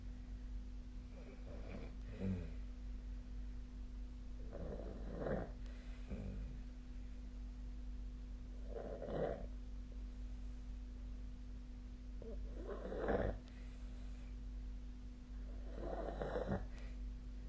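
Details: Sleep snoring recorded with the SnoreLab app: regular snores about every 4 seconds, roughly 15 breaths a minute, over a steady hum of room noise.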